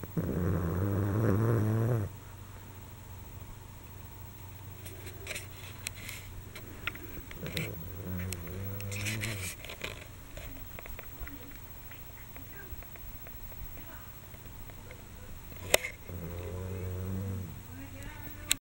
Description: Taking a nap after playing.........snoring hilariously!!!